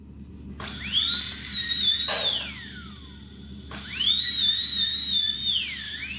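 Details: High-pitched whining drill rising, holding and dropping in two runs, with faint music: a dental handpiece working on a plastic denture brought in for cleaning.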